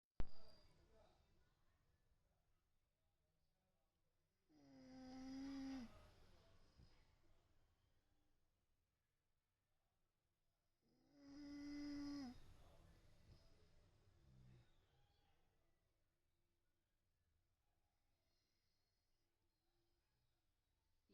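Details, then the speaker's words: A sleeping dog snoring loudly: two loud, rumbling snores about six seconds apart, separated by quiet pauses. "ఈయనగాడు బాగా గురక పెట్టి ఇప్పుడు నిద్రపోతున్నాడు గురక చూస్తున్నారా అండి ఎంత గట్టిగా వినిపిస్తుందో"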